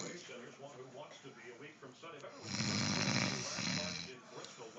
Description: My aunt fell asleep on her hand sitting on the couch and her snoring is still very loud! More loud than the race cars on TV!